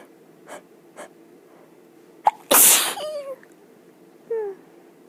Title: Sneezes in bed